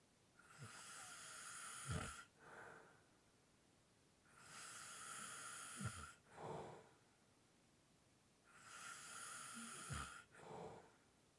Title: SNORING SOUNDS light snore/ heavy breathing